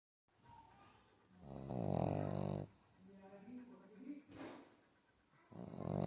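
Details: A sleeping pug puppy snoring: loud, rough snoring breaths with quieter snuffling sounds between them.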